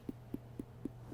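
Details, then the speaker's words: Four quick, hollow, drumlike taps imitating tympany, the percussion note of the air-filled abdomen, likened to tapping a puffed-out cheek during abdominal exam. "We call it Tony. And so Tony, it sounds like when you puff out your cheek,"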